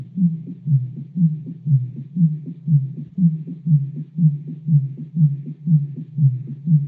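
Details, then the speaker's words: Normal heart sounds sonified from a healthy ECG with no ST-segment elevation, not a real auscultation recording: steady, evenly spaced low lub-dub beats at about 120 per minute. "la señal está completamente saludable escuchamos el sonido el corazón sin ningún tipo de modificación"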